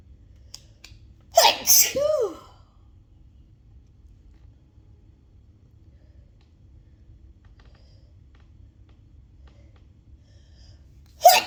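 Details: An intense, loud sneezing fit, described as loud and wet with lots of spray. Two loud sneezes in quick succession, a quiet pause, then the burst of another sneeze at the end.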